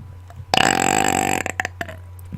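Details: Deliberate burping on command into a microphone: one long, loud, rattling belch lasting nearly a second, then a few short gulping sounds.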